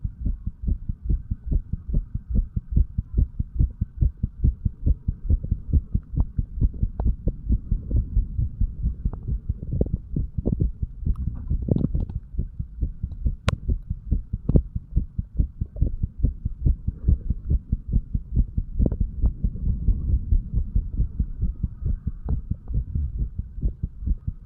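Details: A 35-year-old male, sick and detoxing, records his own heart through a stethoscope at the lower left chest (tricuspid/mitral areas): steady, regular lub-dub heart sounds with a faint hum behind.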